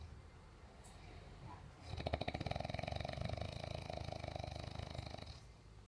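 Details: Person snoring, with help sought to stop it: a long, low, rapidly fluttering rattle on the breath after a quiet room; the vibrating sound of snoring.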